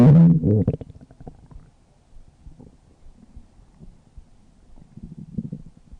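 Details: A person's stomach with a loud low gurgle that fades into soft, irregular rumbling; stomach growling (borborygmi).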